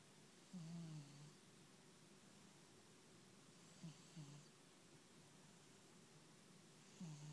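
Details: Three brief rumbling snores over a faint hiss, spaced a few seconds apart, recorded during a phone call: snoring.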